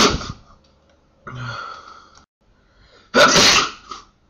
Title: 10 sneezes 55 secs.wmv